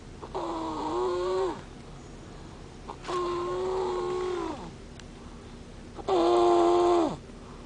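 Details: Female asleep in a car, snoring: three long, tonal, whistling-groaning breath sounds with pauses between them.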